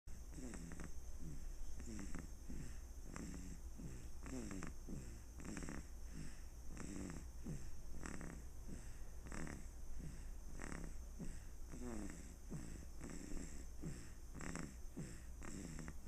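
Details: Rapid, regular rattling snores, about two a second, over a steady low hum; snoring.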